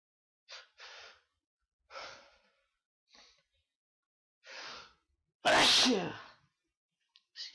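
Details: Several short breathy nasal bursts build to one loud, forceful sneeze, followed by a brief breath, during a bout of repeated sneezing.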